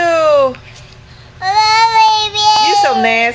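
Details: Loud, high-pitched sustained wails with short pauses between them, faint room noise underneath; an infant crying while being burped.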